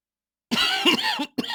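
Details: One harsh, rough cough burst followed by the start of another from a person with a bad cough; plain cough.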